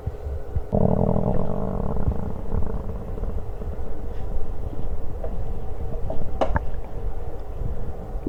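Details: While eating lunch: a deep, voiced belch rumbles out over low gurgling stomach sounds; ordinary burp (eructation) after eating.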